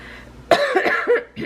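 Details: A short run of several quick voiced coughs from an adult who says she is losing her voice, ending in a throat-clearing sound: cough.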